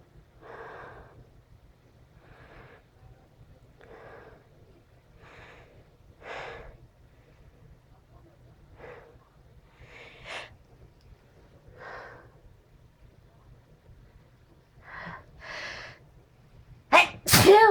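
A series of short breathy catches and sniffs builds up, ending in a loud sneeze; a sneeze triggered by tickling.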